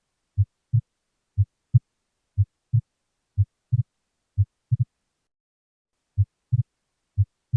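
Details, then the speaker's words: Split second heart sound heard with a stethoscope: a heartbeat at about 60 beats a minute with a single first sound and a clearly doubled second sound. "This voice indicates Loud Second Heart Sound This is the Splitting of Second Heart Sound"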